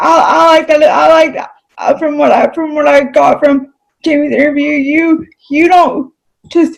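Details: Adult female with cerebral palsy; dysarthria (cerebral palsy).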